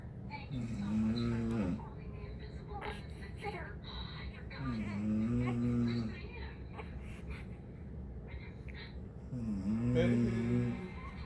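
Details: Woman who had just given birth snoring: loud, deep, rumbling snores, about three over eleven seconds, with her newborn son's whimpers and cries between them.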